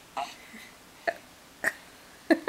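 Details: Baby girl, home from the hospital, lying naked and content after pooing; four short, abrupt hiccups evenly spaced about every half to one second in a quiet room.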